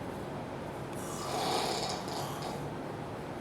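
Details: Man snoring so loudly it seems he should wake himself: one loud, rough, rattling snore on a breath, with steady room noise; heavy snoring.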